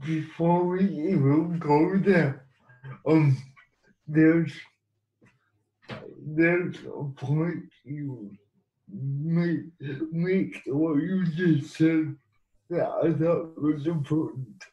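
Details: Man with cerebral palsy; dysarthric speech in cerebral palsy.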